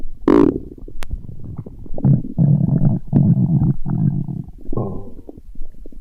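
Loud, low gurgling rumbles in several bursts, ordinary stomach growling from gas and fluid moving through the gut.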